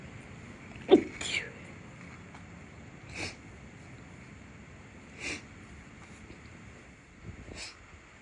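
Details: Stifled sneezes after room and house cleaning, nose irritated by dust and cleaning products (reportedly not allergic to either): a fit of four or five short, muffled sneezes held back with little voice over steady room hum.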